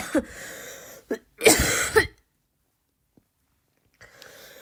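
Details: An adult tries to imitate a barking cough with three deliberate voluntary coughs, but they lack the true seal-like bark.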